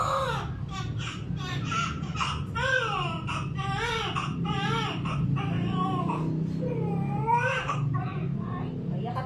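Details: Repeated loud, rising and falling wails from a first-born newborn just after normal vaginal delivery at a clinic, a normal vigorous cry, with adult talk and soft music behind.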